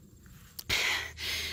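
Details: Adult woman who earlier had severe lung illness needing proning and rehab: two loud, breathy airflow sounds in quick succession after a brief pause; laboured breathing (dyspnoea).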